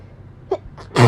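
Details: A quick inward catch of breath, then one loud explosive burst, on being woken at 6am by allergy sneezes; a single sneeze.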